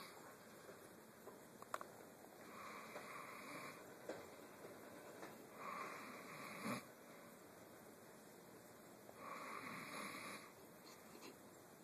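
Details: A man recorded on a phone while snoring, as proof that he snores: three rattly snoring breaths about three and a half seconds apart, roughly 17 breaths a minute, in a quiet room.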